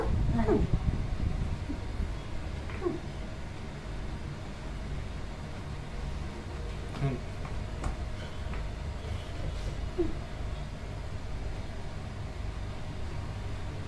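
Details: Patient with Tourette syndrome, combined motor and vocal tics for about 2 years, recently worse, absent during sleep; vocal tics (Tourette syndrome).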